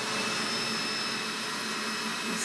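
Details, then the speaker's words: During loop cautery debulking of a man's rhinophyma (extra nasal tissue): steady loud whooshing suction roar with faint hum of a smoke evacuator; electrosurgical loop cautery with smoke evacuator. "When we're doing the loop cery, we're taking some of the weight of this rhinophyma, this extra tissue of his nose off,"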